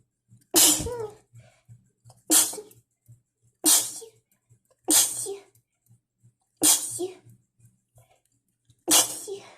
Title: Trying to holdback some sneezes after cleaning the dust